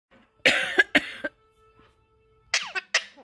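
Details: Young child imitating mother's cough: a run of short, forced coughs in two quick groups.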